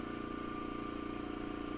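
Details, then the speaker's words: Loud steady motor hum with rapid rhythmic pulsing of an oxygen concentrator switched on in a home jewelry studio, supplying oxygen to a torch paired with a one-pound propane canister. "Okay, it's going to get a little loud in here. Sorry. I've got to do it."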